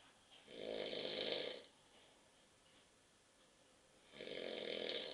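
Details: An adult man asleep on a sofa at 9:30 p.m. after drinking too many beers gives two long, rough snores on the in-breath, separated by a quiet pause.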